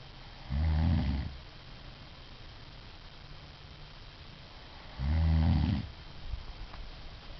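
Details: Adult woman snoring during sleep: two loud, low, rattling snores about four and a half seconds apart, with quiet breathing between them.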